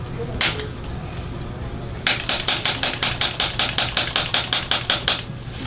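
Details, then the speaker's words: 80-year-old woman with multiple myeloma and a cold, receiving chiropractic adjustment with a spring-loaded activator, head relaxed. One sharp click, a pause, then a fast run of about 15 crisp clicks. "I'm using the activator this is a spring-loaded instrument"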